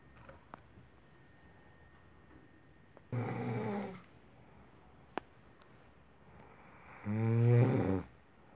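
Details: Snoring of a sleeping woman: two rumbling, fluttering snores about four seconds apart, the second louder, with quiet room noise between them.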